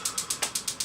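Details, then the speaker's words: Extracorporeal shockwave therapy for Achilles tendonitis at intensity level 13, 2,000 of 3,000 pulses done, machine firing eight pulses per second: regular sharp clicking pulses; shockwave device pulsing. "we've done 2,000 pulses today we're gonna go up to 3,000 fortunately the machine does eight pulses per second so it's not going to take us three thousand seconds to the treatment"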